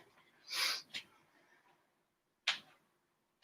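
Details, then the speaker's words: Adult's knee popping during a high-rep, zero-to-light-weight strength exercise, 15 reps per side; three brief, sharp clicking pops on bending, knee crepitus (joint popping). "get into it you can hear my knee popping if you listen really closely when you get to 15 switch sides"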